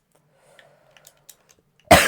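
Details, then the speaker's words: Single loud, harsh throat-clearing from an adult man whose voice is hoarse, amid quiet keyboard clicks while he plays and narrates a Minecraft game. "Alors, je m'excuse, j'ai la voix cassée."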